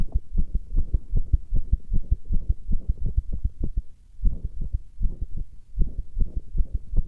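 Rapid, loud low thumps with a booming, muffled quality, roughly 75 to 80 beats a minute in pairs; a heartbeat recording.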